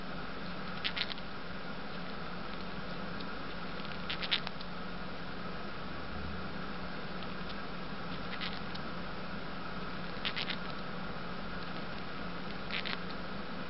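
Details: Brief bursts of soft rapid clicking against a steady background hum: a lovebird grinding its beak, a normal behavior.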